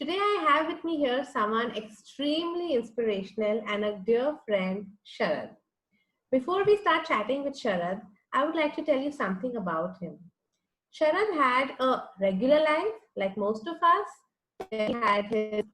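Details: Adult woman speaking; typical speech.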